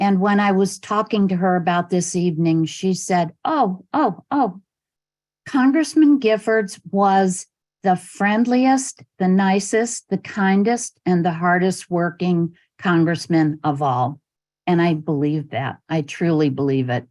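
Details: Adult female speaker; Normal speech.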